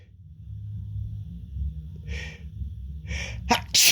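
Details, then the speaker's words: Person building up to repeated sneezes after a tickle: short breathy build-up, then about three sharp, explosive sneeze bursts in quick succession. "Oh, that felt good. Oh, sneeze again. Achoo!"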